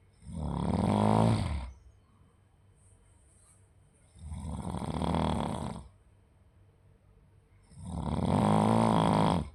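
Three loud, rough, vibrating snores on breathing in, roughly every four seconds, about 16 breaths a minute, with quiet pauses between: snoring.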